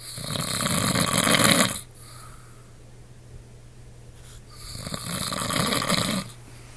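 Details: Adult husband snoring at night: two long, loud, rattling snores on breathing in, with a quiet pause between them.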